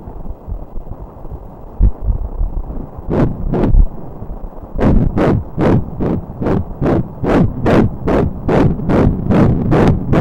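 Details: Rapid, regular whooshing pulses after a few seconds of probe noise, about 150 a minute: fetal heartbeat on Doppler at 13 weeks 3 days of pregnancy, fetus measuring 7 cm.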